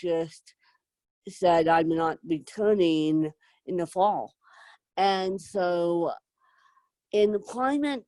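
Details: Adult woman with moderate to severe cerebral palsy, needing help 24/7; dysarthria from cerebral palsy.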